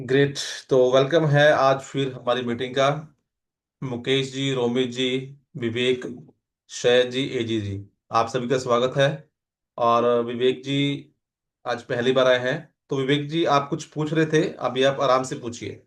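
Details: Adult man speaking Hindi; normal speech.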